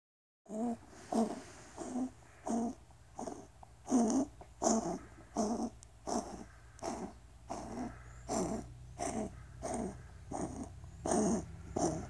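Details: Mika, a Seal point Siamese cat, with a bad hacking cough: a run of short, harsh coughing bursts in quick succession.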